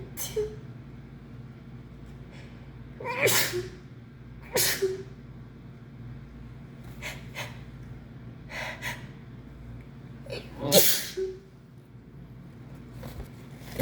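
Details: Sneezing in someone who thinks they caught the flu, with heavy nasal discharge and sneezing fits of up to 15 in a row: three loud sneezes, each after a sharp intake of breath, separated by quieter breathing.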